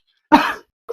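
One short, harsh acted cough or throat-clearing burst from an adult, with a brief sound starting just after.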